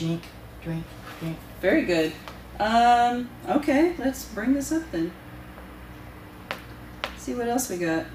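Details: Adult woman speaking, possibly with a second voice at the start; unaffected speech.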